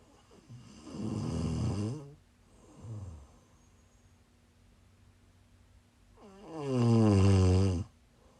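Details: Two loud, rattling in-breath snores with a softer one between them in a quiet room, recorded during a live stream while the snorer was sick: snoring.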